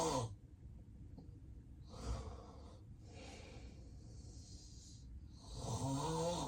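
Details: Real, unplanned daytime nap of an adult with sleep apnea: deep rough snoring breaths with heavy noisy airflow, fitting obstructive sleep apnea snoring.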